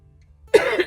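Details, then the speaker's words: Single short, harsh cough close to a throat-clear from a woman on hospice with terminal metastatic cancer, who reports coughing and wheezing with exertion, pace changes, or standing after sitting. "that's when you're really going to hear the coughing and the wheezing and it's sounding like it's hard to catch my breath"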